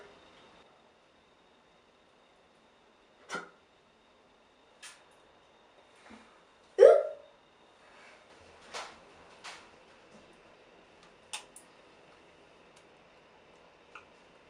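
Repeated short, abrupt gulping hiccups at irregular intervals, about nine over fourteen seconds, in a quiet room: ordinary hiccups.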